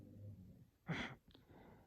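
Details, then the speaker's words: A sleeping female dog, said to snore loudly like a human, gives a single loud, rough snorting breath against quiet room noise. "You guys can't hear this, but my dog is snoring. I think you can hear it. She snores pretty loud. She snores like a human, I swear."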